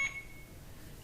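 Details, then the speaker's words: Single high electronic beep of an Alaris IV infusion pump occlusion alarm, screen reading "occluded patient side" after flow suddenly stopped; keeps beeping until corrected, IV site in hand soft, no infiltration; instructional demonstration. "s your alarm it's the red if you read the screen it says occluded patient side okay so we have to look now at our IV site remember this is connected into the patient the alarms going to keep beeping until we correct this"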